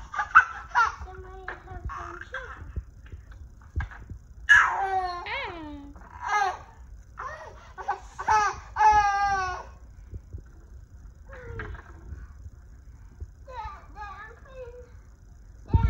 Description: 3 year old having a gelastic (laughing) seizure due to hypothalamic hamartoma brain tumor.